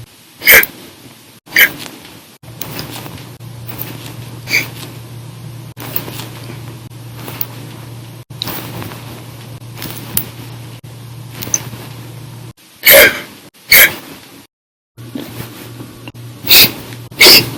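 Sharp, sudden hiccup sounds repeat about every few seconds, some loud and some faint, over a steady low hum.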